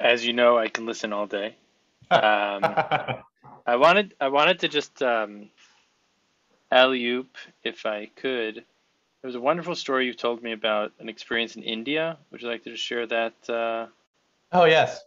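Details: Adult man speaking; typical speech.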